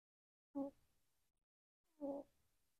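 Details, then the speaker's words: Female free-roam house rabbit sleeping, who always snores and has a squeaky nose: two brief buzzy snorts, each fading into soft breath; snoring. "कुछ खरगोशों में खर्राटे लेना सामान्य है। CB हर समय खर्राटे लेता है। मोर्टी खर्राटे नहीं लेता।"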